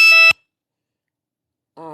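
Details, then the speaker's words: A Dexcom continuous glucose monitor on an adult gives a brief, loud, high-pitched electronic alert tone during a live video, followed by the start of speech. "it's not too bad that's my my dexcom beeping"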